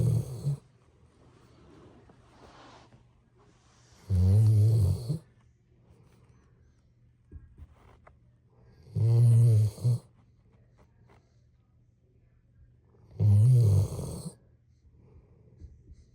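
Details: Deep, rumbling snores at a slow, steady pace, about 14 breaths a minute, with quiet gaps between them during sleep: snoring.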